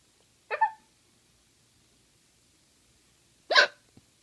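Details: A baby with hiccups: two short, abrupt hiccups about three seconds apart in a quiet room.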